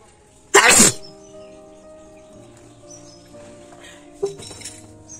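One sharp, forceful sneeze burst over quiet room noise, with a faint sniff and rustle afterward.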